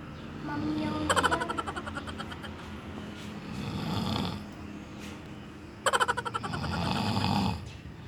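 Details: Snoring of a sleeper said to be feeling stressed: two loud rattling snores, each a rapid flutter on the in-breath, over low steady room noise.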